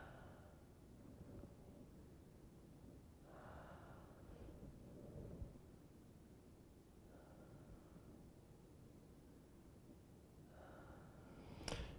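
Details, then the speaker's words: Slow, deep open-mouth breaths, about four cycles, with soft airy rushes, heard by stethoscope during auscultation of a female patient's anterior chest in a physical exam; normal deep breathing. "And take a nice deep breath, if you would, with an open"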